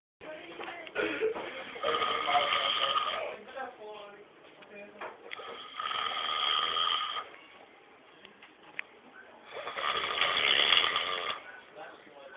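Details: A man snoring, recorded through a thin, tinny microphone: loud, rasping snores about every four seconds with quieter breathing between them.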